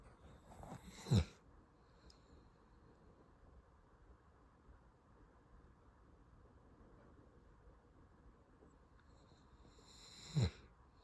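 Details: Danger, a sleeping dog, snoring: two deep, rough snorts about nine seconds apart in a quiet room.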